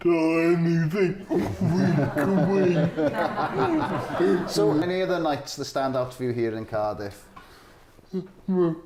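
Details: Adult man speaking; Typical speech.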